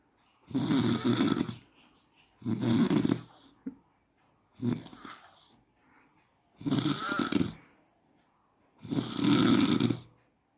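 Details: Daytime snoring: five loud, rattling snores in about ten seconds, each a coarse vibrating noise on breathing with quiet pauses between; typical snoring.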